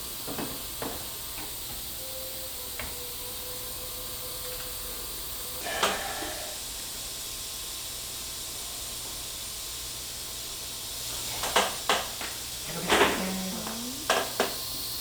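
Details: Continuous hiss of suction with scattered slurping bursts and a brief faint whine: dental surgical suction and irrigation during flapless guided (OneGuide) immediate implant placement after extraction of a crown-root fractured tooth, with dual zone graft.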